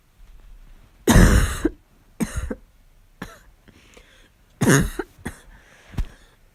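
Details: During a fall cold, about six harsh, forceful coughs in separate bursts, two louder than the rest, in a quiet room; barking cough.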